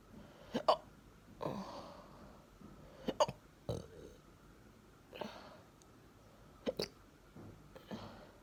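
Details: Person with hiccups after breakfast: about six short, abrupt hiccups at irregular intervals, each a sudden catch of breath with a small voiced click; ordinary hiccups.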